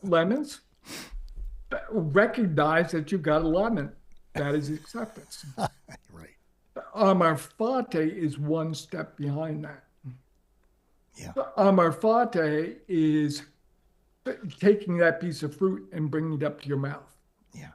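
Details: Adult man with ALS diagnosed four and a half years earlier and now near end stage; paralyzed from mid-throat down; uses a ventilator to inflate his lungs to speak; difficulty speaking and breathing; dysarthria in amyotrophic lateral sclerosis.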